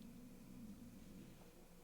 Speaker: Oh, that was my stomach growling. I hope you didn't hear that.